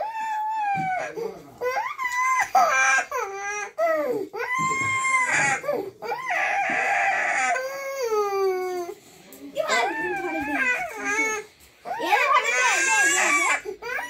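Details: A young child crying: sustained wailing with rising and falling pitch, sobbing breaks and catch breaths between bursts.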